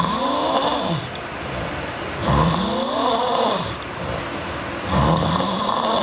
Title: Sleeping Girl Hard Snoring (EVB) Part 1